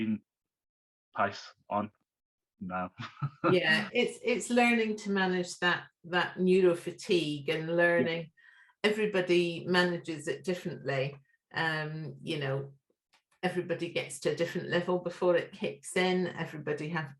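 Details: Adult speaker; normal conversational speech.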